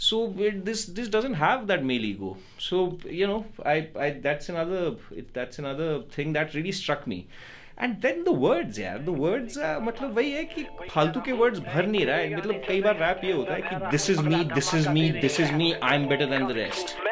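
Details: Adult man speaking; typical speech.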